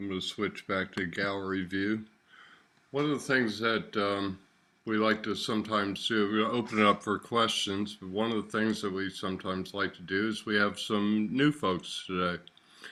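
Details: Adult man speaking; Normal speech.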